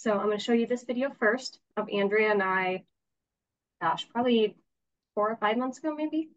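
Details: Adult woman speaking; normal speech.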